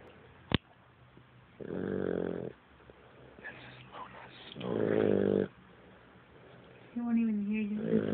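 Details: Female Boxer dog whose owner calls her a snoring problem: loud, rough, rumbling snores over two long breaths, with a brief squeaky whine at the end; dog snoring.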